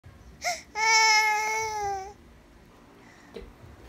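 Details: Infant crying: a brief squeal, then one sustained, clear, high-pitched wail lasting over a second, then quiet.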